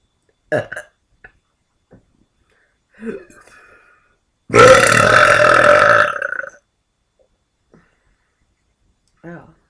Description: I had to keep the burps on the "quiet" side this time cause I dont want to disturb my neighbours :s